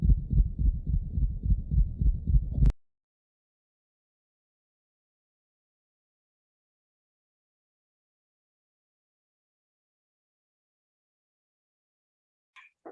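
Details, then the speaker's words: Gallop rhythm, more often found in cats (veterinary cardiovascular exam teaching audio): rapid low heart thumps in a three-beat pattern from an extra sound in diastole, like a galloping horse. "c'est un rythme à trois temps avec un bruit sur Ajouter en diastole donc c'est ça ressemble à un bruit de galop je vous ai mis un audio de ce bruit de galop c'est vraiment un cheval qui galope"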